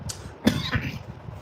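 A brief throat-clearing burst from an adult, a short harsh noise with a second smaller rasp after it.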